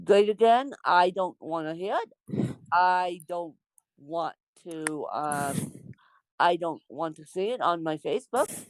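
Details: Dysarthric speech in an adult woman with congenital cerebral palsy (born with CP), real speech.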